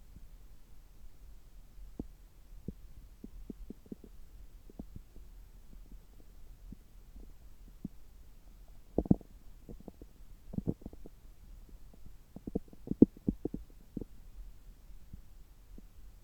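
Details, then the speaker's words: Abdomen heard through a stethoscope about three hours after a meal: irregular soft gurgles and clicks with a few louder bursts; normal active bowel sounds. "今日は久しぶりに聴診器を使ったお腹の音を取っていきたいと思います。今は、食後3時間後ぐらいで、ちょうどお腹がよく動いている時間だと思います。"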